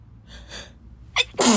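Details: Person who just woke up, half-awake, sneezing nonstop: quick indrawn gasps followed by a sharp, explosive sneeze; sneezing.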